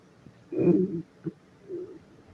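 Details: Stomach growling at work: low, gurgling rumbles in a quiet room, one longer and two shorter.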